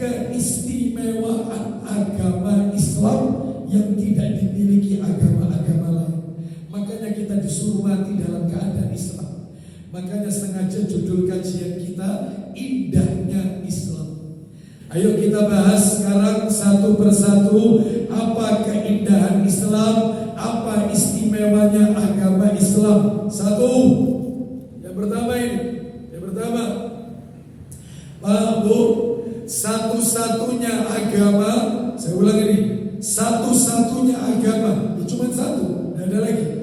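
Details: Dysphonia in a man with a self-reported vocal cord disorder of almost 2 months, improving but still forced.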